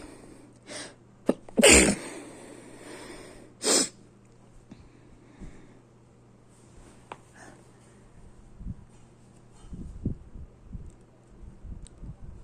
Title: sneezing.